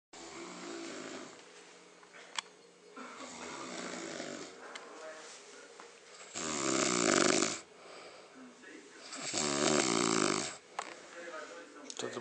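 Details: Loud, rough, rattling snores on several breaths with quieter breathing between, a woman speaking softly in the background; snoring.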